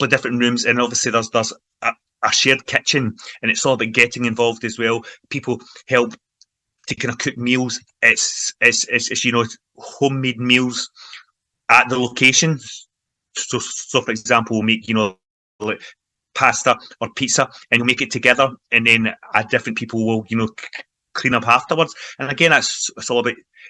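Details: Adult man who stammers, involved in the stammering self-help movement for over 25 years, in everyday conversational speech; stuttering (stammering).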